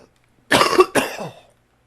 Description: Cold officially in my chest :)